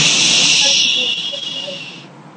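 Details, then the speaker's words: Spirometry in a respiratory lab, nose plugged, mouth on tube: after the deepest possible breath, a long forceful steady blow into the tube fading over about two seconds, exhaling everything to measure vital capacity. "what did they just blow into the tube they took the deepest breath they could and they blew everything they possibly could move out of their lungs"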